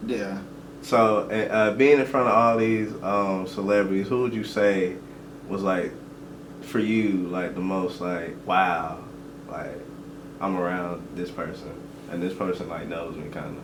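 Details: Adult male conversational speech; normal speech.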